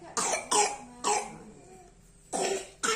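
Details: Child coughing during a grandmother's traditional massage (urut) given to relieve the cough, which is called a dry cough; four short, sharp coughs, two in quick succession, then two more after a pause, with crying and music around.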